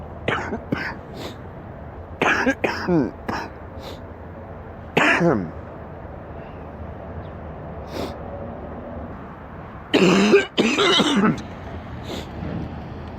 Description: a man is sick with an extremely stuffy nose and an absolutely horrible cough